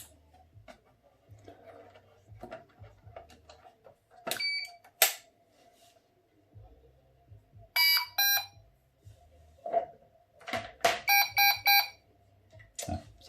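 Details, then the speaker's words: Covidien/Medtronic PB560 ventilator powered on during a home teardown, with an unknown battery not plugged in and the turbine not connected; bursts of high electronic alarm beeps over clicks and faint room noise. "but it's not it complains about battery which is not plugged otherwise it works yeah but unknown battery"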